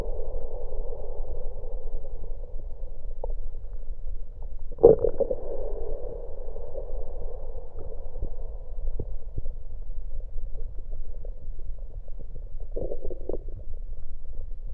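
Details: Steady low rumbling with scattered gurgles, a sharp pop and burps, recorded over the stomach with an electronic USB stethoscope while gulping down Coke; normal bowel and gas sounds.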